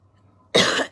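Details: Woman who has lost her voice, with vocal cord dysfunction secondary to EDS; a single short, harsh cough or throat clear after a quiet pause.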